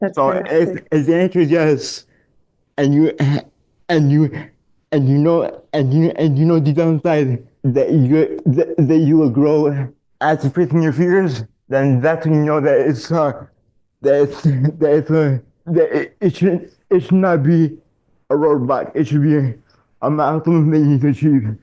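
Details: Adult man diagnosed in childhood with dystonia, a neurological disorder affecting mobility, who had multiple surgeries as a child; dysfluent speech with frequent word and phrase repetitions.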